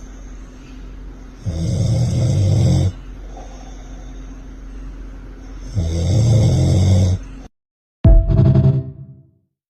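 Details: Snoring in a sleeping one-month-old baby: two long, loud, rumbling snores about four seconds apart on breathing in, with quiet breathing between.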